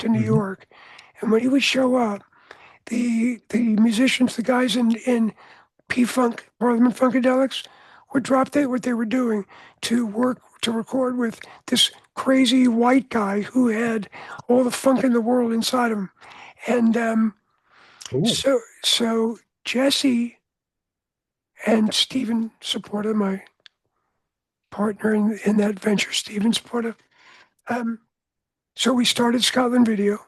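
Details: Adult man whose voice was altered by throat cancer, treated with surgery, radiation and two years of experimental chemotherapy: voice change after throat cancer treatment.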